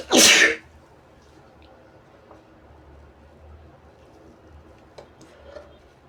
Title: Sneezes & Noseblows